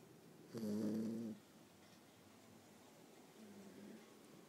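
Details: Boxer puppy about 9.5 weeks old, asleep: one short buzzing, vibrating breath sound, then a fainter one, against quiet room noise; snoring.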